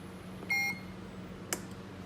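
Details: Single electronic beep then brief click as a Puritan Bennett 560 non-invasive ventilator starts ventilation on a test subject wearing a harness, over steady low hum; mechanical ventilator start-up beep.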